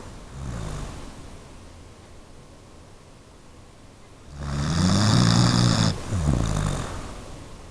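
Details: Low, rumbling snores from a sleeping pet dog, one soft and one louder and longer with a brief catch.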